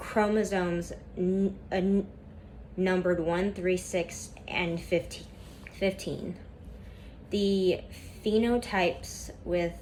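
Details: Female student who stutters reading a class PowerPoint presentation aloud, with a lot of tension at first that eases as the reading goes on; stuttering.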